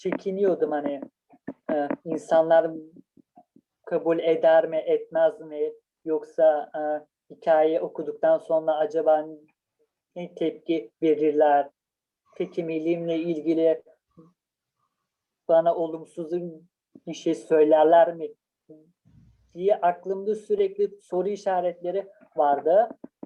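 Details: Stuttering in a Turkish-speaking person who stutters and has used prolongation techniques from stuttering therapy.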